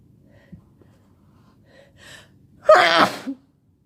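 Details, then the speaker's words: Sneeze of a sick person who has been sneezing all day with a headache: a brief gasping build-up, then one loud, forceful sneeze with a short voiced tail, part of a sneezing fit. "Oh God, my head hurts. I've been sneezing all day. Oh my God."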